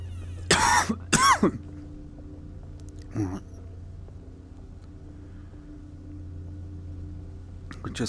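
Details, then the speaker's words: Adult with a tickly cough from a suspected cold or bug while commentating on PSVR gameplay: two quick harsh coughs, then a faint throat clear, over low game sound and room hum. "with all the weather in England there are got bug or cold or something got a bit of a tickly cough"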